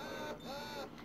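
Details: Ameda Purely Yours double electric breast pump running with suction turned up: rhythmic mechanical whirring that rises and falls with each cycle.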